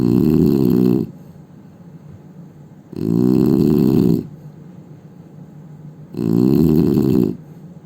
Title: Indian man snoring sound